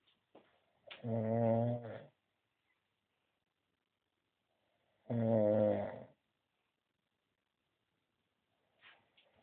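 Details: Man snoring in a snoring competition: two loud, low, rattling snores about four seconds apart in a quiet room with softer breath noise between them; ordinary snoring.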